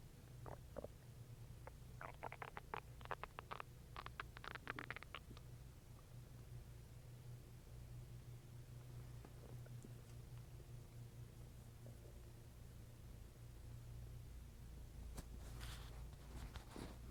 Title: stomach growling for 7 minutes as I eat and drink water